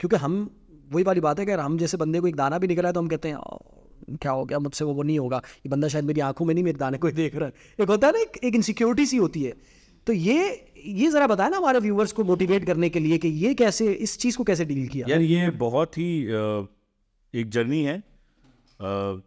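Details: Adult male speaker; typical speech.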